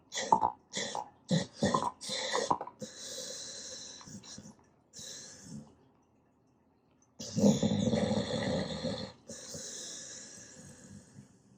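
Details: An old dog makes weird noises while sleeping, possibly teeth grinding, dream-eating or suckling, together with snoring.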